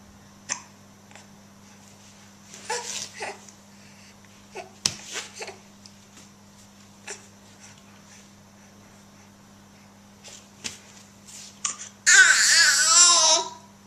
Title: Stunt Singing with a hiccup